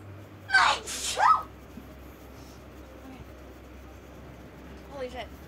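Two sharp sneezes in quick succession, then a softer third burst after a pause.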